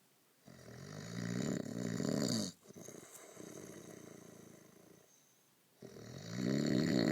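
Loud, rough, rattling breaths in long noisy runs separated by brief pauses, typical of snoring.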